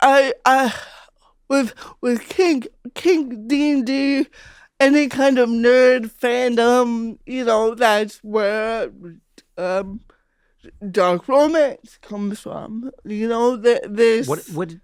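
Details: Adult female comedian with cerebral palsy since childhood; real, unacted conversational speech showing dysarthria (cerebral palsy).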